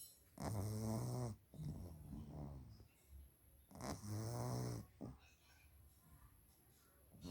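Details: Two pugs sleeping beside owner: loud, low, rattling snores with wheezy whistling on inspiration, about 17 a minute, typical of a flat-faced dog; snoring.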